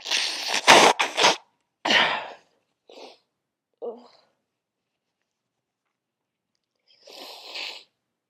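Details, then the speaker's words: Quick series of acted sneezes from a girl, loud then softer, with a sniff; she says it is just allergies despite a sore throat, then admits she might be sick. "I mean I'm sneezing a lot. That's true. But it's just my allergies."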